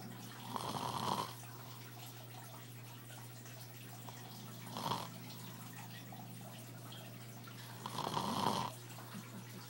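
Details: Husband snoring in sleep: three rough, rattling snores about every 3.5 seconds, over a steady low hum; roughly 17 breaths a minute.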